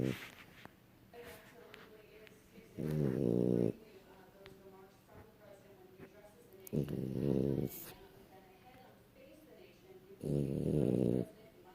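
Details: Dog snoring: three rattling, buzzy snores about a second long at regular intervals, with soft breathing and faint room sounds between.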